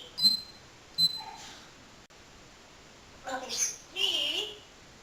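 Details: Talking parrot gives two short, sharp sneezes, then a whistly speech-like imitation of "bless you"; sneeze.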